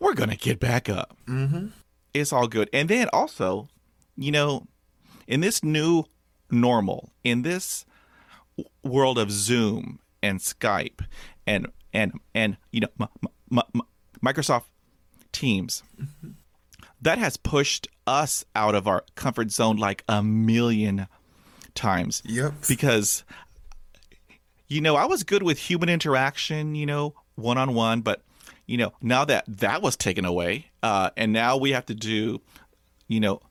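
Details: Stuttering in an adult male medical student; it became more pronounced around age 6 or 7, his mother and uncles also stutter, and it is now more overt, with blocks and facial tension.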